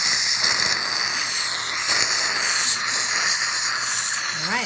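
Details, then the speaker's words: Four-year-old boy, pediatric SMART Hall crown procedure, rinsing tooth after plain pumice cleaning before stainless steel crown fitting: continuous hissing dental air-water spray with watery spatter and faint suction. "Yeah. Okay, we're going to rinse it."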